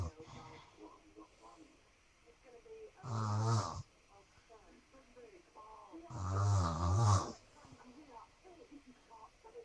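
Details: Snoring at night, keeping someone awake: two loud, low, rattling snores about three seconds apart over quiet room noise.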